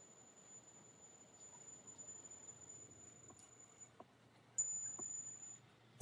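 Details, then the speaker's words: Simulated tinnitus demonstrating what patients hear: a thin, steady high-pitched ringing tone over faint room noise, representing a phantom perception sound. "Tinnitus relies on retraining of the brain. To let you know what it sounds like for patients with tinnitus, here is a little sound of it, of what they hear."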